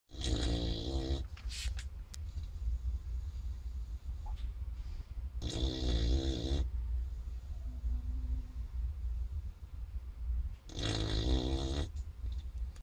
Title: Bailey snoring in a basket